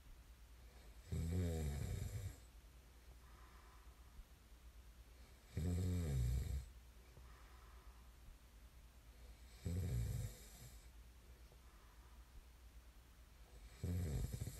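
Deep, low, vibrating snores about 14 a minute, each with a fainter breath out; loud ordinary snoring in a quiet room.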